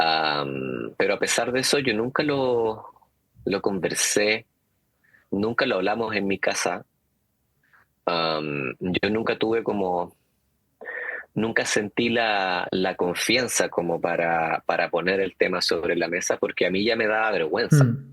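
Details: Stuttering in an adult man, speaking Spanish in an interview.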